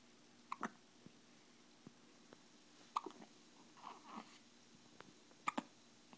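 Short sharp catches recurring irregularly over a few seconds in a quiet room, fitting hiccups.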